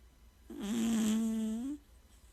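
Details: A cat snoring.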